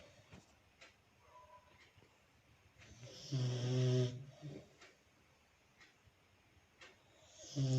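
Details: Sleeping dog nose snoring: one loud rumbling snore with soft nasal snuffles before and after, in a quiet room.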